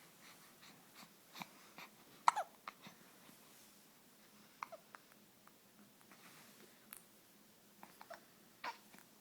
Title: Baby hiccups 2